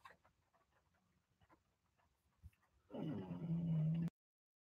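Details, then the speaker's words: A sleeping English bulldog recovering from a leg problem, passed out and very loud. A commenter suggests a sleep apnea machine. After a stretch of quiet room noise comes a loud, rough, low snore; snoring. "ched to my laptop Chris is snoring ahem he's being super loud you can hear him back in here he's passed out"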